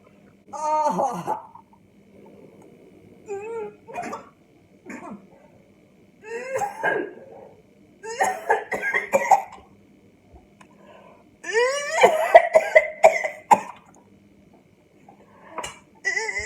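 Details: Adult's repeated voiced retching and gagging bursts with coughs, triggered by disgust while cracking an egg for a hair treatment, not by illness.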